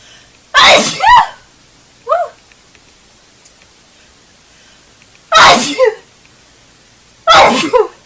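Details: A red-haired girl gives three forceful sneezes in quick series with a brief voiced sound between them; a sneezing fit.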